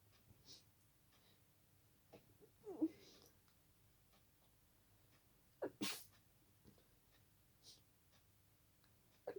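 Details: Quiet room at night with a few soft, muffled bursts and one sharper sneeze that escapes; sneezes deliberately stifled to stay quiet.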